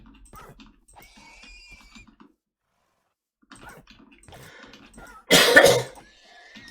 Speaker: I have a cold so you'll hear me coughing a lot other than that I'm doing fine